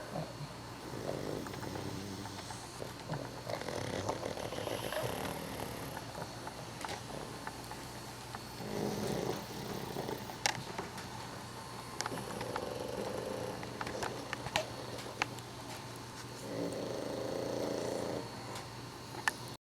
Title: Couchful of snoring pugs 2